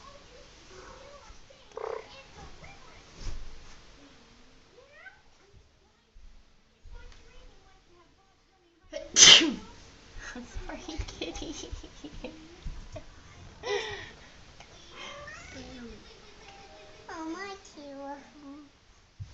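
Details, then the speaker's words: Person's sneeze that startles a 6-week-old kitten: one loud, sharp human sneeze with soft kitten sounds and quiet talk around it, an ordinary sneeze. "so sorry, Gracie. I did not mean to sneeze and scare you."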